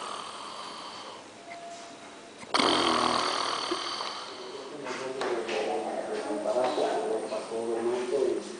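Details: Uncle snoring in his special styles: loud, rough snoring with a sudden snort, then a sustained rattling, vibrating breath, in a small room.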